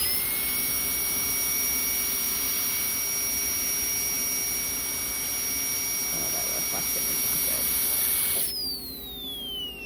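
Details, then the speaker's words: High-speed dental drill with a number 2 round bur removing bone overlying the roots under a flap to expose the bifurcation for extracting a large lower tooth on a dental model: steady high-pitched whine, winding down at the end. "We're gonna switch that out for our number 2 round so that we can remove some of that bone overlying the roots."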